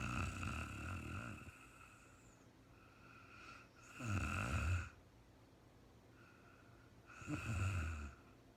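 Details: Real-time recording of a woman snoring during sleep, no talking, very tired and falling asleep: low, rumbling snores at irregular intervals of a few seconds over a quiet room hum; snoring.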